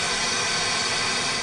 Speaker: some people hear tinnitus like this